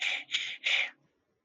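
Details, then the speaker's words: Mouth imitation of a pleuritic breath sound: three harsh, high blowing breaths heard on both inspiration and expiration; one of the consolidation sounds (tubular, pleuritic, cavitary) that differ in timbre. "Los que son por condensación son el tubárico, el pleurítico y el cavitario o cavernoso, ¿no? Todos inspiratorios y expiratorios, todos escucho en la entrada y salida."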